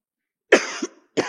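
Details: Single sharp, harsh cough with a brief second burst starting after it, from a woman, hoarse after shouting during an impassioned speech at the PDIP 51st anniversary event before a crowd.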